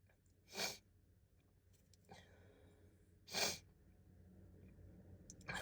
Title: A few sneezes (F)